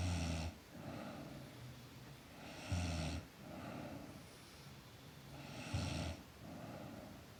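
Soft, low snoring on each breath, about 22 breaths a minute, with quieter exhalations between.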